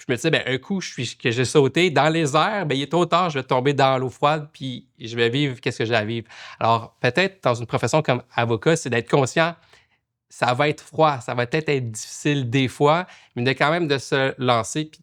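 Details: Adult male lawyer who stutters, speaking French; he reports blocks, including once being unable to say a word in court; stuttering.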